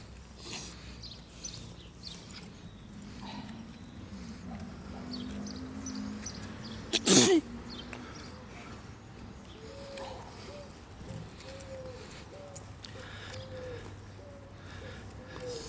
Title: Sneezing on the street